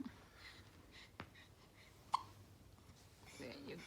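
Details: Baby being burped by her father: two sharp, brief hiccups over quiet room noise with faint background voices.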